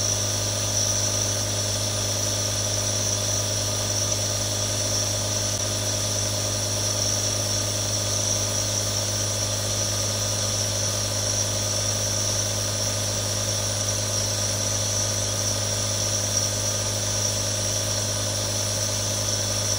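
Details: Real nebulizer running sound: steady continuous mechanical hum with a hiss.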